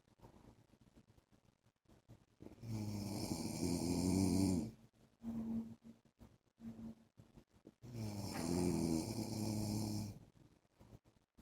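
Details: Husband's snoring during sleep: two long loud rattling inspiratory snores with quiet breathing between, about 13 breaths per minute.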